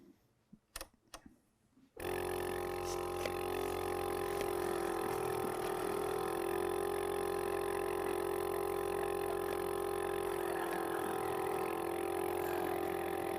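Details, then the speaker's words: Suction unit running during a product demo of the Laerdal Advanced Airway Solution manikin, with vomit pumped into the airway while a learner practices suction in training (simulated); a few clicks, then a steady loud motor hum. "The solution comes with a system which allows vomit to be pumped into the airway by an instructor or peer whilst learner practices their suction technique."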